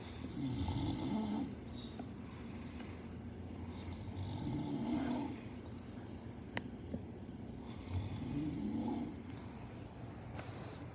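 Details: Adult male (father) snoring very loudly: rough snores on each in-breath, roughly 16 a minute, over steady room noise.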